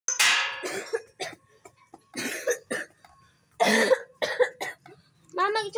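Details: Child with a cold gives a couple of harsh, noisy coughs mixed with brief vocal sounds in a quiet room.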